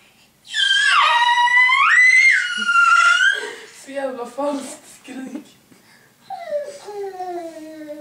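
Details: Loud, rising scream then shorter fussing cries and whimpers from a hungry baby boy crying for food.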